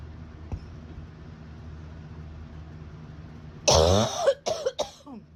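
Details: Adult cough from a bad case of acute bronchitis, about 10 days after a summer head cold that moved down into the chest: a harsh, chesty coughing fit of three bursts after quiet.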